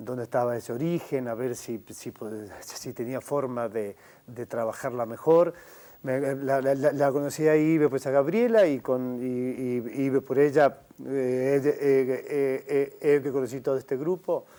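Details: Adult man who stutters, member of a mutual-help group for adults who stutter, speaking in a TV interview; stuttering.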